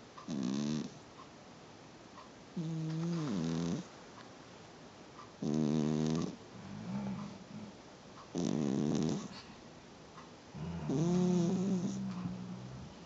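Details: A female ferret sleeps and snores in soft, tonal bursts at about 23 per minute: ordinary snoring.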